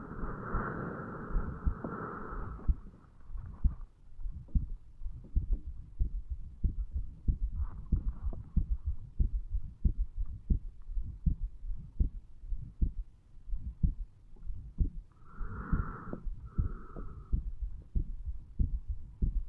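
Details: A 35-year-old male's heartbeat, recorded at the mitral area while lying in bed a few hours after going to bed, linked to alcohol effects: low thumps with an uneven rhythm and occasional pauses, as in skipped beats.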